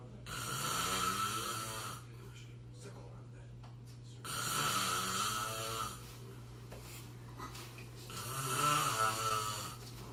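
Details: Man passed out early on day two of a bachelor party, described as sleep apnea snoring: loud, rattling snores about every four seconds, roughly 15 a minute, with quieter pauses between.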